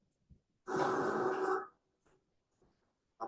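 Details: Adult woman with adductor-type spasmodic dysphonia, speaking with effort but not much interruption; adductor spasmodic dysphonia.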